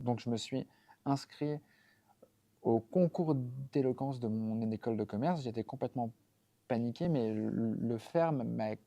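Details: 32-year-old man born with several neurodevelopmental disorders, including a stutter that was severe through childhood and adolescence and continues into adulthood; stuttering.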